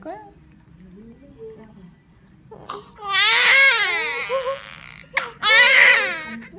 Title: The first cry of baby girl after birth